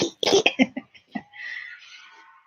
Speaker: And it's my son because you can hear his cough. His cough is very distinct.